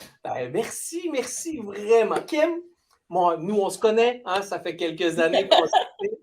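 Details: Adult speaker, interview; Typical adult speech.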